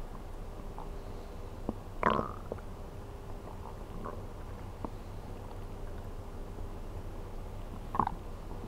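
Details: Stomach sounds recorded while sleeping on an empty stomach (ASMR): two gurgling stomach growls over a quiet background; ordinary hunger bowel sounds.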